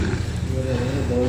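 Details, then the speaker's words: Patient under drug-induced sleep endoscopy (DISE) with monitored dexmedetomidine sedation, scope localizing the airway obstruction: loud, coarse, rumbling obstructive snoring with a steady low vibrating tone, which stops during apnea as oxygen saturation falls. "sleep endoscopy is a useful tool for the diagnosis of the obstructive snoring and sleep apnea sleep is artificially induced using dexmed under monitoring and a thin endoscope is inserted into the nasal cavity and Airway to localize the level of obstruction causing loud"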